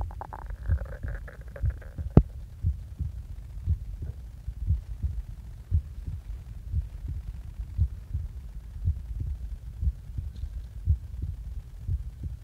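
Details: Heartbeat recorded just after waking up: steady, regular low thumps at about 100 beats per minute with a brief hum at the start.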